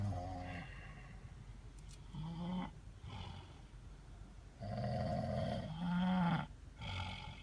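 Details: Snoring while sleeping overnight in a car: loud rough rattling snores on each breath in, several in a row.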